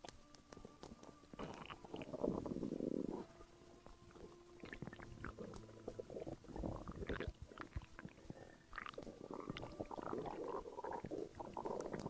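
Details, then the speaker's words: Postpartum woman's stomach gurgling while her body relaxes after childbirth: irregular gurgling, bubbling and squeaking abdominal noises from moving gas and fluid, ordinary active bowel sounds (borborygmi). "Your stomach can make whatever sound it needs. It is just your body that is in stress, settling down. Remembering it is all allowed to relax. Your stomach is going through a lot, relaxing from childbirth, so let it just happen naturally."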